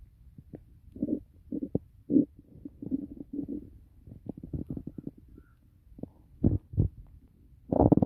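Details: Repeated low gurgling and rumbling bursts with a few louder growls, described as really loud; ordinary stomach growling (borborygmi).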